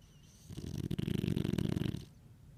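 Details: French Bulldog snoring while lying on owner's lap: a single rapid, fluttering, rattling snore lasting about a second and a half.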